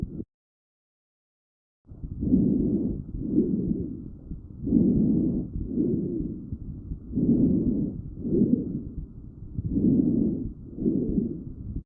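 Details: Paired breath sounds with a musical, whistling quality, about 24 breathing cycles a minute; wheezing.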